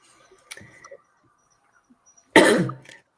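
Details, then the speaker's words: Adult with a cold: a faint throat noise, then one loud, harsh cough in a quiet room; a single cough. "And as you can hear, I've got a cold, so I'm coughing. I'm probably driving everybody crazy."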